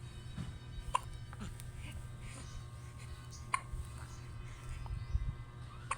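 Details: Infant hiccups: three brief, sharp catches a few seconds apart over a low room hum.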